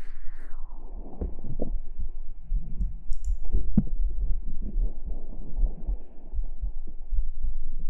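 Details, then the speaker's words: Heartbeat played during a Shanghai livestream: repeated soft, low thumps muffled by rumble and contact noise, no clear extra sounds. "再给你们听一下心跳，再听个一分钟啊，再给你们听个一分钟，我们就吃个什么跳跳糖什么的。"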